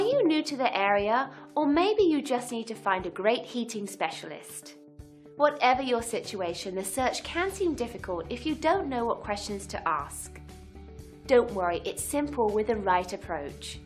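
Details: Adult woman speaking; normal voice.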